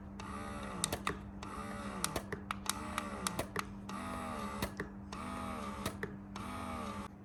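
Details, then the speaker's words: Electric breast pump motor running, with plus/minus speed controls and two pumping modes, intermittent and long continuous: steady hum in repeating cycles with rising-and-falling tone and intermittent clicks. "நமக்கு ஸ்பீடாக வேணும்னா plus, minus கம்மி பண்ணிக்கணும்னா minus. இதுதான் இந்த மோட்டரில் இருக்குது."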